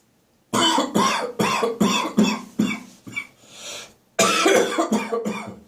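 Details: Morning productive cough with throat clearing and gagging, after waking full of catarrh and getting up and about.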